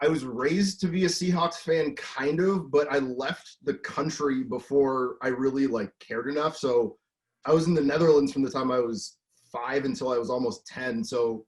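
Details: Adult male; normal speech.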